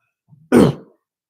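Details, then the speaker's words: An adult who describes his cough as congested, just before smoking: a brief throaty catch, then one short, rough, low, thick cough burst, a productive cough with chest congestion. "So we're gonna smoke a little drugs. Y'all gonna hear how congested my cough sounds."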